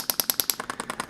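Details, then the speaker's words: Rapid regular sharp ticking, about nine pulses a second, from a radial shockwave therapy device with D20 tip applied over gel to the neck around C4–C5 at low intensity for neck pain and spinal ligament injury. "we're going to start with some shock wave some radial shock wave or the d20 tip and mark you let me know if this is going to be okay"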